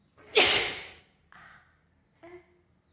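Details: One sharp, hissing sneeze burst followed by two small voiced catches of breath; tickle-induced sneezing.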